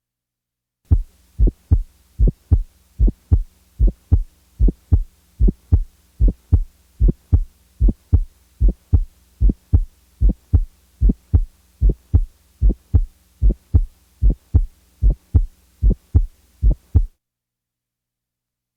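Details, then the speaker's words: Ejection sound, best heard with the stethoscope diaphragm firmly pressed: a regular heartbeat near 75 a minute with a sharp extra click just after the first heart sound. "both aortic and Pulmonary ejection sounds are heard best with the diaphragm fir pressed listen now to an ejection"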